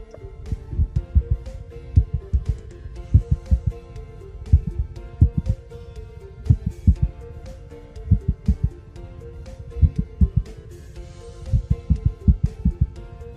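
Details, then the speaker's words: Veterinary cardiology example of a heart rhythm, given after discussion of respiratory sinus arrhythmia: low stethoscope heart thumps in uneven clusters and pauses, with a steady musical tone behind. "¿Sí? Ese es un ritmo."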